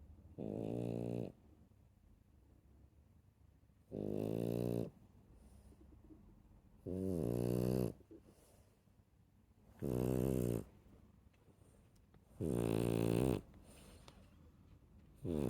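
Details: Rescue puppy dog snoring: five slow, rattling, low-pitched snores of about a second each, separated by quiet pauses of two to three seconds.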